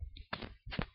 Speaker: if at all there is inflammation on the surface of the liver so this inflamed surface will rub across the peritoneum it will cause one rubbing